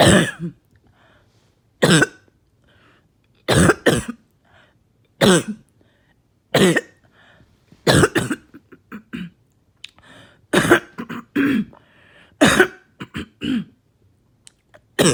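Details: Productive coughing fit after taking medication: repeated wet, rattling coughs in bursts with throat clearing between, breaking up and bringing up really thick mucus.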